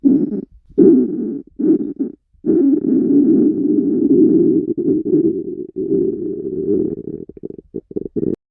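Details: Hunger stomach growling from girls on a diet: long low rumbling gurgles broken by short gaps, normal borborygmi of an empty, active gut.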